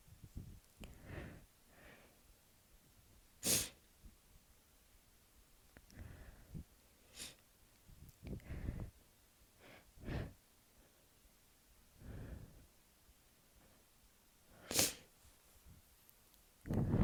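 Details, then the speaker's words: Person announcing each sneeze ("I'm gonna sneeze", "Don't sneeze") and still unable to stop sneezing: repeated sneezes, two sharp and loud, with sniffs and breaths between over a quiet background; sneezing. "Don't sneeze. Don't sneeze. Achoo!"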